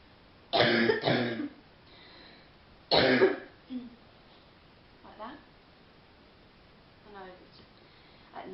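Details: Young woman sitting on a bed on a phone call, under the weather and worse at night lying down, coughs on request: three deep, harsh chesty coughs, two close together then one more.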